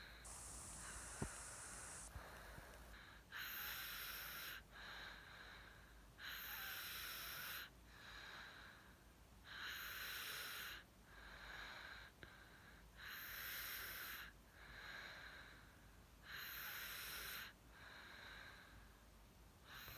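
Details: Baby snoring: regular noisy, hissing breaths at about 18 per minute, louder on alternate phases, with a snorting quality.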